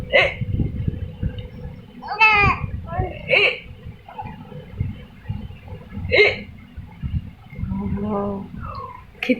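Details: Baby hiccups while still playing: short, sharp hiccup sounds mixed with babbling and adult voices in a small room.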